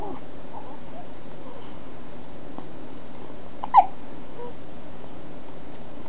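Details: A single brief hiccup chirp over steady background hiss from a baby; infant hiccups.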